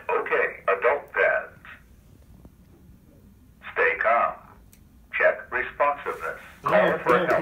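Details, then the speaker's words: Zoll AED Plus demonstrated on a simulated cardiac arrest victim: recorded voice prompts in short phrases with pauses, telling the rescuer to check responsiveness, call 911, attach pads, give compressions and not touch the patient while it analyzes. "so here we have a victim of cardiac arrest and we'll show you how easy it is to use the zoe 80 plus the device no turn it on and they're basically tells you what to do unit ok"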